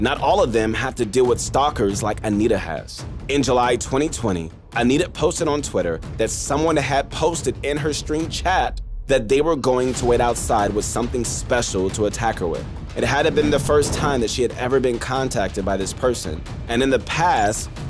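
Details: Adult narrator; Typical speech.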